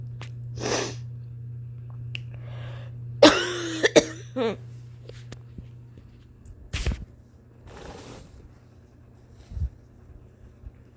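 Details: Adult performer's long-standing cough, previously thought allergic, now worrying; possible asthma suspected, family history of asthma: several scattered coughs, one harsher with a throaty catch, plus breaths and sniffs over a steady low hum.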